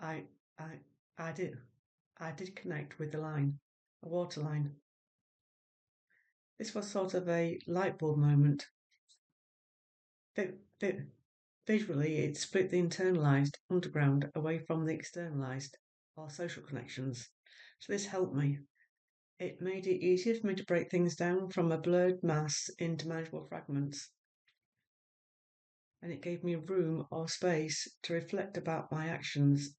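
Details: Adult woman who stammers, with an identical twin who also stammers, and a former speech and language therapy client; word repetitions ('I I I'); stammering.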